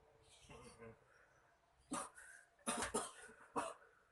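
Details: Deaf person drinking tea, a few short harsh cough bursts after quieter sounds in a small room.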